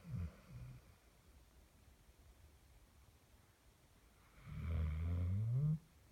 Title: My dog snoring for two minutes